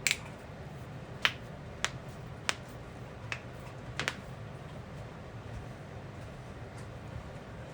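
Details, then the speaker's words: A person deliberately cracks the knuckles and finger joints of his hands, giving about six sharp, isolated cracks over several seconds amid room noise; ordinary knuckle cracking. "can crack. I can clack my knuckles, guys. Yeah, crack like every knuckle. Like every joint in his hands. Yeah. Yeah. Now that's knuckle cracking."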